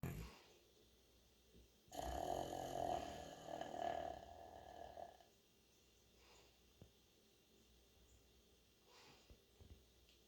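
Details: St. Bernard dog snoring in sleep: one loud, rumbling snore lasting a few seconds, then softer breathing sounds.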